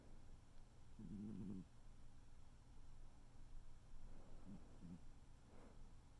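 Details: Soft low rumbling breaths from a sleeping tuxedo cat, one clear snore then fainter ones over a steady hum; ordinary cat snoring.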